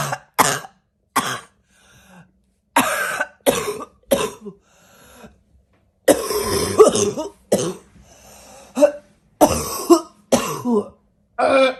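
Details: Barking cough (fall): about a dozen loud, harsh, hacking coughs in bursts, with gasping breaths between them.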